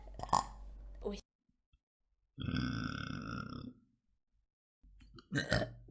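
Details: Young woman's single long, deep-voiced belch of about one and a half seconds between bits of Spanish speech, from a burp compilation; burp.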